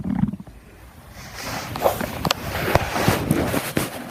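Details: Stomach growling: low rumbling growl followed by irregular gurgles and clicks from gas and fluid moving through the gut.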